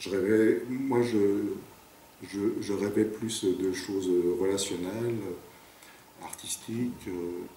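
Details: 58-year-old man who has stuttered since about age 4, with speech blocks: stuttering.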